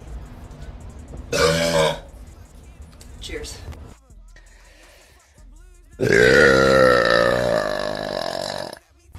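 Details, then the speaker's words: Woman giving two loud, drawn-out voiced belches, the second nearly three seconds long, with quieter speech between; belching, as in a burp challenge. "cheers so full that was actually a pretty good one"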